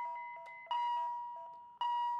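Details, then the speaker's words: Philips HeartStart MRx defibrillator delivering a 100 J synchronized cardioversion shock for a hypotensive patient, Sync pressed, charged, shock button held: steady high tone with short chirps, then two abrupt louder tone bursts at delivery. "We'll press the Sync button ,we'll press charge, this time we will press and hold the shock button, until the shock has been delivered."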